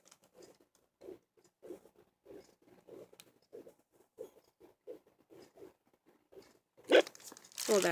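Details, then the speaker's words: A pocket fetal Doppler tried on the user's own adult heartbeat, not a baby's: rhythmic whooshing pulses at roughly 90 beats a minute. "was my heartbeat I was just trying it out but that is how it sounds"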